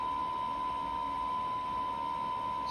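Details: Adult on noninvasive BiPAP ventilation via face mask: a steady, mid-pitched electronic tone sounds without a break over faint room noise, a BiPAP ventilator control beep.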